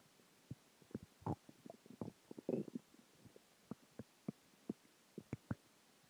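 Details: Stomach growling after dinner, water and gas: quiet irregular gurgles and pops with a few longer rumbles; borborygmi.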